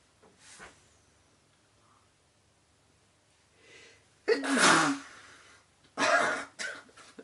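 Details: A man, wearing a dress shirt, sneezes into a handkerchief: a soft intake of breath, then two forceful cloth-muffled sneezes, the second with a short trailing burst.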